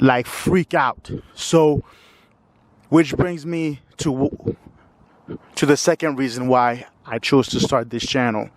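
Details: 45-year-old man with lifelong stuttering who says he is not fluent despite periods of fluency; audible word repetitions; stuttering.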